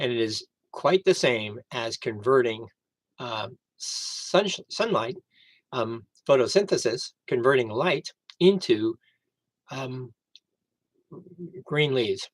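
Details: Aphasia after a stroke on September 26, 2011 in an adult man who initially could not read, write or speak well; recorded about 11 years into recovery.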